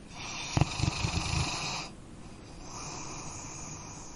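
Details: Sleeping dog: a loud rattling snore on the in-breath, then a quieter out-breath; ordinary dog snoring.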